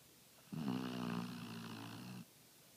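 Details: Pit bull-type dog asleep, a frequent snorer: one drawn-out, rumbling, fluttering inspiratory snore lasting nearly two seconds in a quiet room; snoring.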